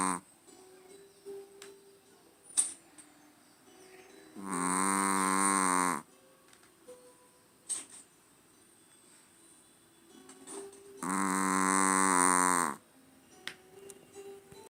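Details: 3-year-old male chihuahua in deep sleep: two long, tonal, whistling snores about seven seconds apart, with quiet room noise between; snoring.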